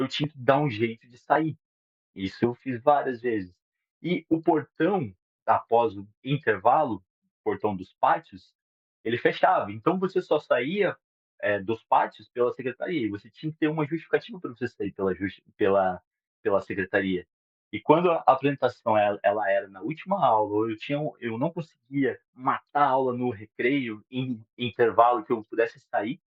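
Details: 37-year-old man who stutters, beginning or worsening in childhood, with particular difficulty on words starting with R; Portuguese speech; stuttering.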